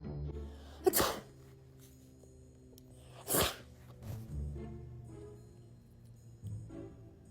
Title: Fake sneezing around my cat #shorts #catshorts #cat #viral #foryou